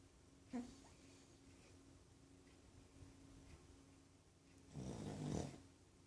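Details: Snoring recorded 26 April 2014: two low, rough snoring breaths separated by a quiet stretch, with faint steady room hum.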